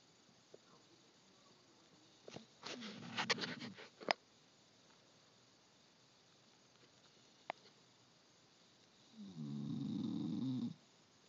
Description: My dog snores louder than anyone I've ever met.